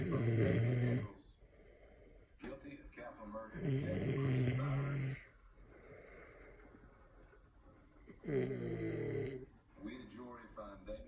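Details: Man fallen asleep with a drink of liquor in hand while drinking: loud snores about 15 a minute, each a rough buzzing inhalation followed by a quieter exhalation.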